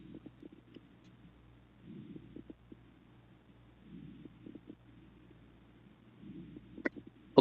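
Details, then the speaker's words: Lung crackles on auscultation of the back in a sarcoidosis or bronchiectasis exam-practice chest case: faint, fine crackles with each breath in both upper zones and slightly in the middle, unchanged by coughing. "So, if ask the patient to cough, does this sound change? No change. What is the site exactly? It's in the upper zone bilaterally and a little bit in the middle."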